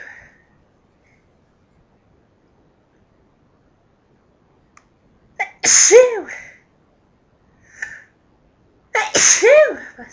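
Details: Person sneezing from household dust: two loud, forceful sneezes, each with a sharp build-up inhale before the explosive burst, in a quiet room; sneeze.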